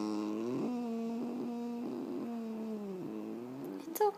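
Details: A female puggle at home after spay surgery gives long, wavering whining cries ending in a brief yelp; post-operative vocalization.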